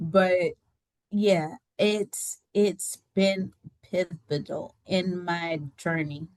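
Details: Adult woman with aphasia after a stroke that left her unable to talk and partially paralysed on her right side; she regained speech with therapy.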